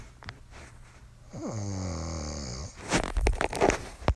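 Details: Woman snoring: a single drawn-out, buzzing snore on the breath in, followed by noisy, snorting breath sounds.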